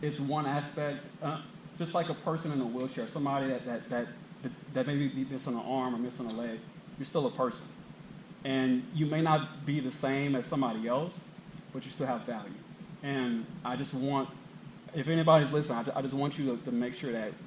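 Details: Man aged 32 with lifelong stuttering and a family history (mother and uncle stutter), who still struggles with acceptance and sometimes avoids situations; stuttering.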